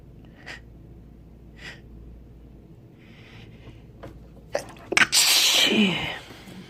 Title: Sneezes (M)